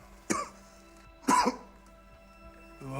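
Two short, harsh cough bursts from an adult, acted in a film, over a steady background music hum.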